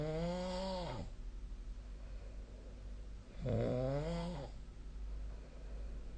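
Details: Nightly sleep snoring recorded with the SnoreLab snoring app: two loud, rumbling, voiced snores on breathing in, a couple of seconds apart, with quiet breathing out between; heavy snoring.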